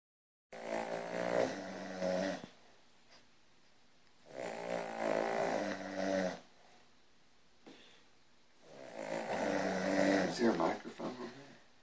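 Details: Three long, loud rattling snores on slow breaths with quiet pauses between, during sleep; synchronized snoring blamed on the dog, source uncertain (person or dog).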